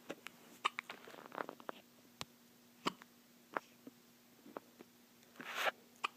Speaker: How cute are those? Little chirpy hiccups. It's my baby girl. And she's got the hiccups.